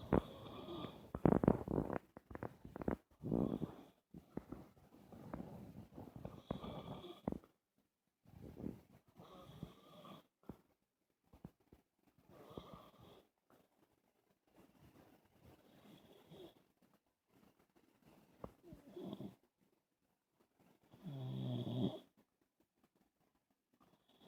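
Loud, irregular snoring in uneven bursts with brief silent gaps, in a man with sleep apnea.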